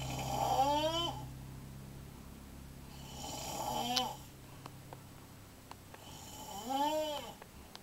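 Loud, rough, rumbling snores with each in-breath, three in about eight seconds, separated by quiet out-breaths: snoring.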